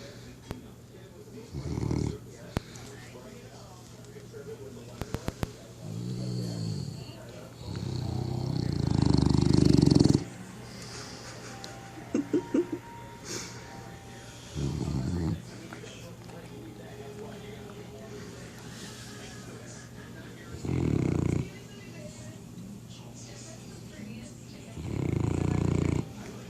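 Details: Newfoundland dog snoring loudly with deep, rumbling bursts, about six in under half a minute, like a freight train; snoring.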